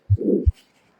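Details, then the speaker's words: Harsh, rough systolic murmur between a low first and second heart sound, loud over the whole anterior chest: aortic stenosis murmur. "Es un soplo áspero, rudo es, fuerte en todo el tórax anterior."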